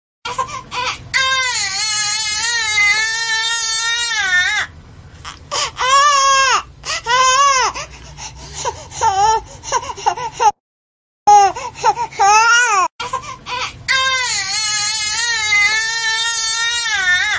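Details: Baby crying sound from a ringtone app: an infant cries in long, high-pitched wails with brief breaths between bursts; ordinary infant crying.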